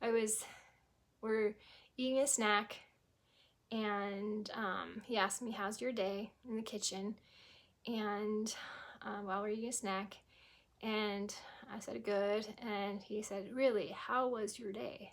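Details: Aphasia in a woman after a stroke at age 18, 25 years ago; she was initially unable to speak at all and says she still sometimes cannot speak.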